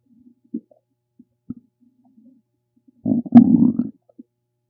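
Scattered quiet gurgles, then a loud drawn-out rumbling growl near the end; ordinary stomach rumbling.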